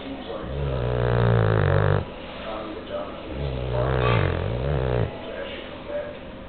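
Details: Bulldog sleeping: two long, loud rattling snores on the in-breaths with quieter breathing between, a deep vibrating snore; snoring.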